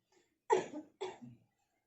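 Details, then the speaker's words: Simulated nursing practice of effective cough: a young woman, after deep breathing exercises, gives two deliberate productive coughs in a quiet room as instructed to cough up phlegm; voluntary cough. "Sekarang Mbak lakukan batuk berdahak 3 kali ya Mbak."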